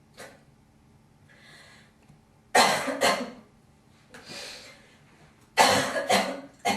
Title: girl coughing hocking loggies